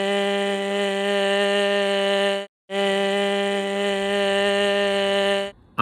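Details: White noise over an underlying tone at pitch G3, with much air leak and turbulent airflow; on stroboscopy the vocal cords never close, leaving a gap where air leaks; breathy voice.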